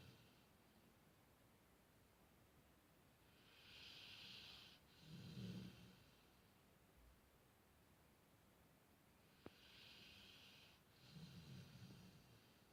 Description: Archie the Golden Retriever fast asleep and snoring!